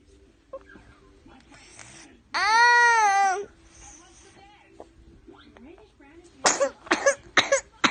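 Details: Whooping cough (pertussis) in a 19-month-old: a long tonal cry, then a rapid run of about five harsh, choking coughs; little whoop and mostly choking cough; diagnosis took four weeks.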